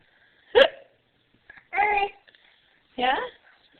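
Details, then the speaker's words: Young child with a pacifier, hiccupping: three short voiced hiccups about a second apart, each a brief catch with a little vocal noise; hiccups. "Thing is, if I didn't have that exciting moon on there, you have hiccups. Yeah. Huh? Yeah. You have the hiccups."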